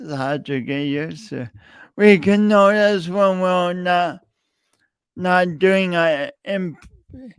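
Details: Stuttering (speech disfluency) in an adult male podcast host with a long-standing speech impediment that he denied for years; repeated words throughout his speech.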